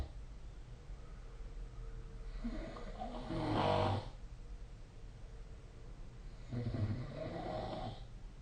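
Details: Snoring recorded during sleep with the SnoreLab app: two loud, rough, rattling snores on inhalation, with quiet room noise between them.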